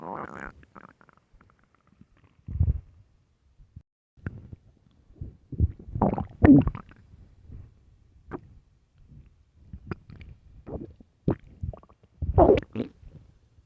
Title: LOUD hungry stomach growls (headphones)